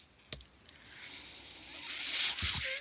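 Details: Mechanical ventilator breath of a man using a ventilator while speaking: a soft hiss of airflow builds over about two seconds, with a faint click before it and low thumps near the end.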